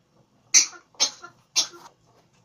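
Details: An African grey parrot coughing: three short, sharp, hissy cough-like bursts, likely a mimicked cough.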